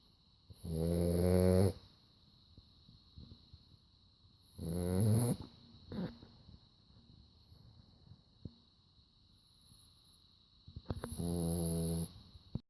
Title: Snores just like dad